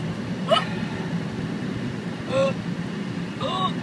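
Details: Three sharp, voiced hiccups about a second and a half apart over steady vehicle noise; real, ordinary hiccups.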